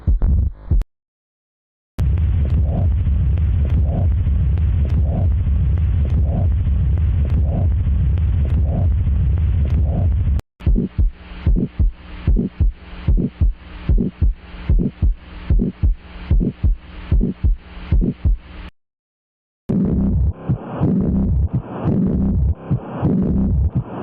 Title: Auscultation of heart sounds #heartsound #LUBDUB #presentation